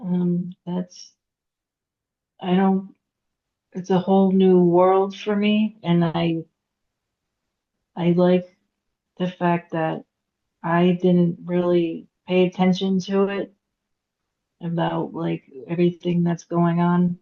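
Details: Aphasia in a woman after a hemorrhagic stroke at age 36 (September 2018); she could not talk for 2 years and now speaks after recovery.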